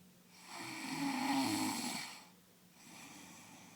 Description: Baby strange snoring